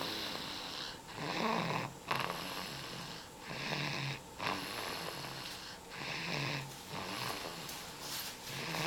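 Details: Rhythmic, rasping snores on each breath, about 26 a minute, with brief pauses between; snoring.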